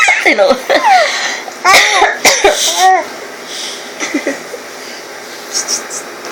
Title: Mommy coughs, baby laughs.